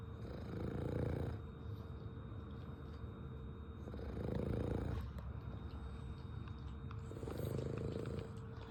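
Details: French bulldog sleeping and snoring: soft low rumbling snores in steady breath cycles, about 20 a minute.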